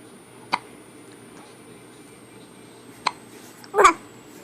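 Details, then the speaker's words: Infant with hiccups: two brief, sharp hiccup clicks a few seconds apart, then a short voiced sound, in a quiet room. "what else got hiccups her can't talk yeah hiccups yeah"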